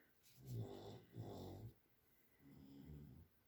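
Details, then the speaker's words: Dogs snoring in the background of a room. "you hear the dogs snoring so there's those"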